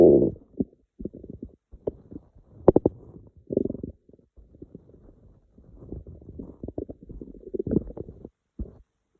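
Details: Irregular low gurgles, squelches and brief rumbling bursts with quiet gaps, from a hungry stomach: ordinary hunger-related stomach rumbling, or borborygmi.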